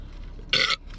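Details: One short, loud, airy burp, an ordinary belch, heard in a compilation of loud relieving burps recorded while waiting for a pre-workout drink to kick in before leg day.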